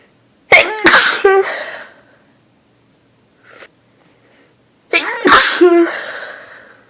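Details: Person sneezing repeatedly while staying in a very dusty house: two loud, wet explosive sneezes, each with a sharp inhaled lead-in and a trailing spray sound.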